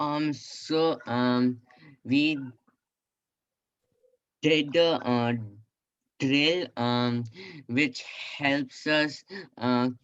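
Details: Participant in an online group speech therapy session for people who stutter, answering the therapist's question; stuttering.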